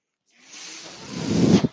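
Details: A soft airy hiss builds over about a second into a louder rushing whoosh, then cuts off, from the speaker's own ventilator during their podcast: a mechanical ventilator breath cycle.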